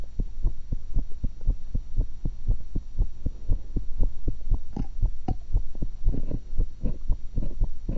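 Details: Own heartbeat recorded through a single stethoscope while eating an apple and a cucumber: steady lub-dub about 60 beats a minute over low hum, rustling later; normal heart sounds.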